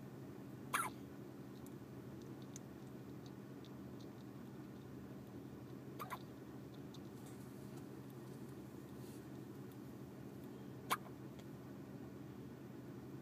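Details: Three brief, sharp, squeaky hiccups several seconds apart over a steady hum, from a baby with recurring hiccups who has a pacifier in her mouth.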